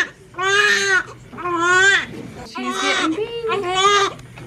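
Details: Strong, repeated wailing cries with a clear, full voice from a newborn girl just after delivery; a vigorous normal birth cry.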